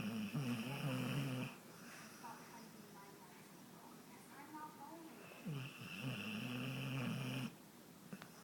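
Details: A girl sleeping out cold, snoring: two loud, fluttering, rattling snores several seconds apart with quieter breathing between.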